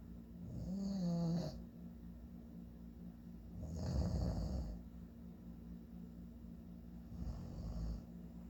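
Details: Adult man (father) snoring: deep, rough snores about every three to four seconds, roughly 19 a minute, one ending in a brief snort; ordinary snoring.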